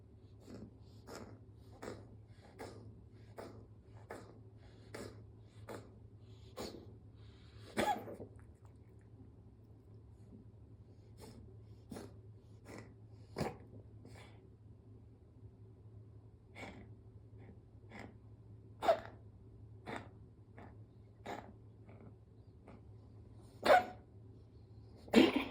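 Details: Dog coughing: repeated short, dry coughs in runs with a few louder hacks over a steady low hum.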